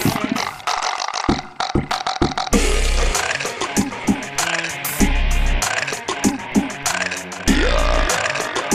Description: Burping, Human Burpbox